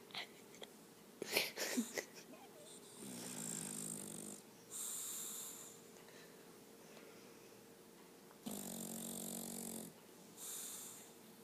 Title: Boss The Snoring Bulldog